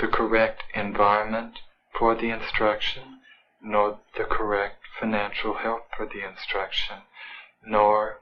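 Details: Speech of a hospitalized male patient with catatonic schizophrenia, about three months into his hospital stay, answering interview questions.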